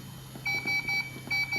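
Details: Puritan Bennett 560 non-invasive ventilator on a female patient in CPAP mode, as pressure is raised to 6 cmH2O: repeated high-pitched electronic beeps in short pulses over a low hum; mechanical ventilator alarm.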